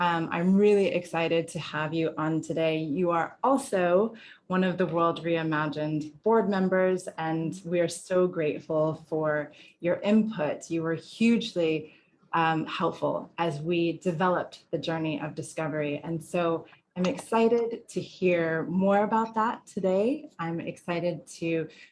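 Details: Adult woman speaking; normal voice.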